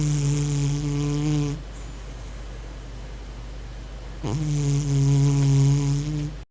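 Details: Sleeping cat, owner wonders if dreaming: two long, steady, humming snores on the in-breath separated by a quiet pause; regular snoring.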